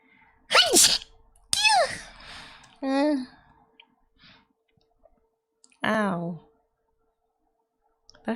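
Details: A single sharp, explosive sneeze from an adult woman, followed by several short pained voiced cries, saying sneezing hurts.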